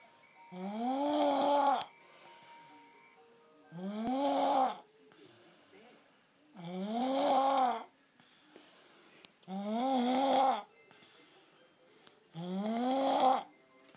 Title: Loudest baby snoring